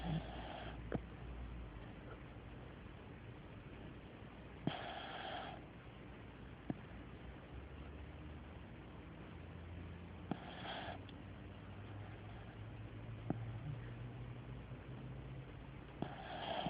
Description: When my dog is really tired he snores lol. I couldn't sleep one nute because of his snoring so I thought I would video tape him haha